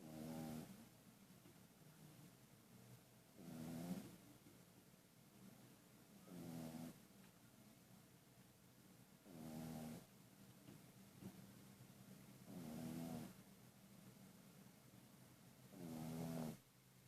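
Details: Pug-a-Poo dog snoring: rhythmic rattling snores about one every three seconds (roughly 18 a minute), with quiet breathing between them; ordinary snoring.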